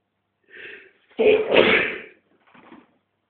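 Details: Adult male sneeze induced with a tissue: a short indrawn breath, then one loud, forceful sneeze and a softer trailing breath.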